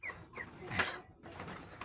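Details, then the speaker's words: Flock noise with a brief, sharp, noisy cough-like burst from broiler chickens, a sign of respiratory illness the farmer plans to treat. "Looking at this be you will know that they have cough with the sign that they you know showing you hear something like"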